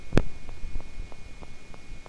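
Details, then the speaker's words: Needle EMG of a muscle at rest: faint, regular brief clicks about three per second over a steady hum, fibrillation potentials from spontaneous depolarization, signalling denervation; abnormal, as resting muscle should be silent. "spontaneously polarization of the muscle membrane in the background we're getting uh fibrinations and that's just the Innovation and this could be that's our positive sharp waves this is not normal the muscle should have completely quiet rest membrane potential"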